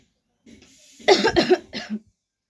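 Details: A short run of two or three harsh coughs after a breath in; a real cough during winter, the coughing is stated to be genuinely happening.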